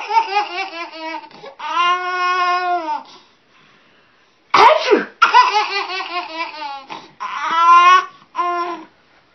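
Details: A mother's sneeze followed by her daughter laughing; sneeze.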